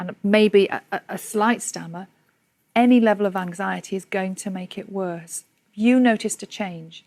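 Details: Adult woman speaking; no speech disorder.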